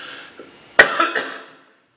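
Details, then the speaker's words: Adult coughing once, forcefully, in a quiet room from endless chest congestion that causes coughing 24 hours a day for weeks despite medications. There is no infection and it is not pneumonia this time. "the good news is unlike Beck at the beginning of the year when it turned into pneumonia this time there's no infection there's just this endless congestion that causes me to cop 24 hours a day"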